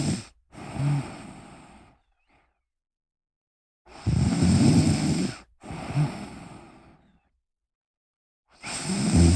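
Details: Loud, low, rumbling breaths alternating with quieter airy ones, about 12 cycles a minute, with silent gaps: adult snoring while relaxing.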